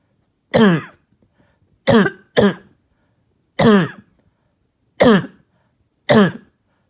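Six harsh, hoarse-sounding coughs in about seven seconds, two close together, each a sharp bark-like burst with quiet between: a barking cough.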